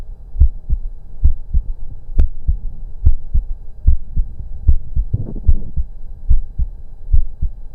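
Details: Auscultation of a person's own heart during breath-holds: steady paired lub-dub beats at about 72 a minute, a brief scuffing noise midway; normal heart sounds.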